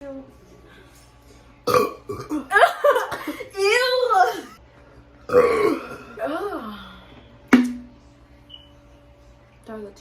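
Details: A run of long, loud, voiced deliberate belches from a burp compilation, with faint background music.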